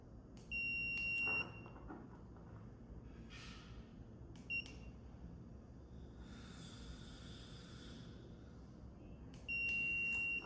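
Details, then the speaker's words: High-pitched electronic beeps from a dental curing light timing 5-second cures from the gingival side of each bracket during orthodontic indirect bonding, with brief air hiss between; dental curing light beep. "I'm just going to listen for the beep of the light and do 5-second cure from the gingival."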